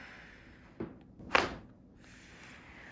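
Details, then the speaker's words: Crunchy joint cavitation cracks during cranial facial release and chiropractic adjustment of a woman with twice-recurring Bell's palsy and a shoulder problem, on big breath in and blowing out. "that was crunchy that was crunchy that was very crunchy did you like that one"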